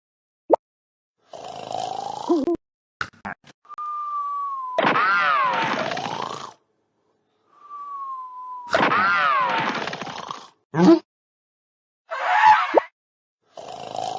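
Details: Snoring: repeated cycles of a rough, rumbling breath paired with a falling whistle, with short silences between.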